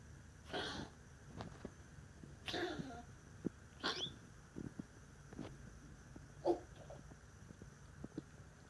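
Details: Small pet named Bruiser having a coughing fit: several short, explosive huffs and snorts with brief pauses between bursts.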